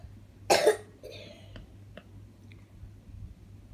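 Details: One sharp cough followed by quieter throat sounds against low room hum; a young girl's cough while she has a cough, parent blaming cold drinks and ice cream.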